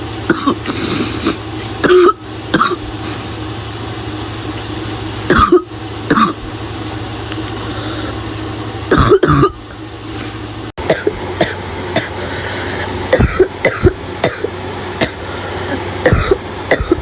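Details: Girl with a bad barking cough: repeated harsh, barking coughs with throat-clearing and gagging sounds over a steady low hum.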